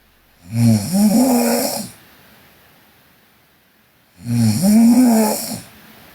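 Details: Sleeping Korean girl: two loud, rattling snores, each over a second long, separated by a quiet pause of about two seconds; snoring.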